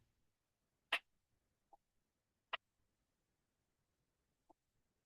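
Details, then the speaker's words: Blood pressure measurement: sharp, clear, strong tapping of the first two sounds heard, first-phase Korotkoff sounds, marking systolic pressure in adults and children. "El primero nos indica los dos primeros ruidos que se escuchan, que son fuertes y nítidos. Este ruido viene a indicarnos la presión arterial sistólica en adultos y niños."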